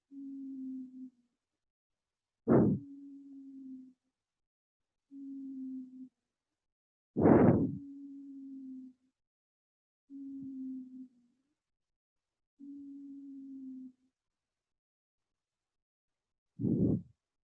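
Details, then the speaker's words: Paediatric bronchiolitis/asthma teaching example: repeated steady musical, whistle-like sounds with each breath, interrupted by short gasping intakes; wheezing from narrowed airways. "এই যে বাঁশির মতো শব্দ, wheezing."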